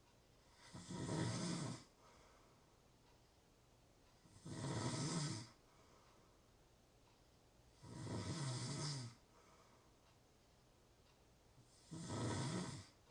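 Four steady rattling snores at about 16 breaths a minute, with quiet pauses between them; ordinary snoring in a quiet room.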